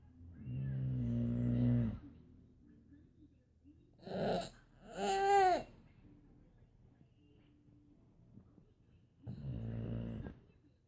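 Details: Boxer dog snoring slowly, about 16 rumbling snores a minute, while a 1-year-old girl mocks it with grunting imitations between snores.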